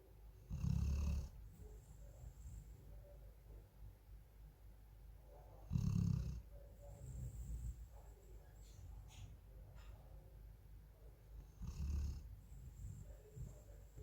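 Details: Sleeping female golden retriever snoring: three loud, low rumbling snores about six seconds apart, with softer breathing between them.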